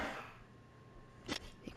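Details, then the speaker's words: A single faint, distant sneeze from someone downstairs, carried up the stairwell to an upstairs room; a brief sharp burst of air heard over quiet room hum. "That's a sneeze from way downstairs. The the stairs act as a sound tunnel to this upstairs den where I'm sitting."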